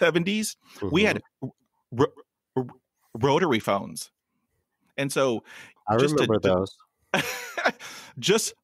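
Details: Adult male podcast host who hid his stuttering for about 35 years and still stutters; real, non-acted speech; stuttering.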